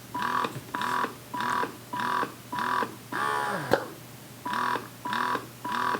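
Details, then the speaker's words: Carer Health wearable breast pump in stimulation mode: quick, regular motor pulses of light suction, about 100 a minute and each rising in pitch, ending in one longer, stronger pull. "so this is expression mode so this is the stimulation so it just has like this is a very light section and then at the very end it'll give you a harder suction"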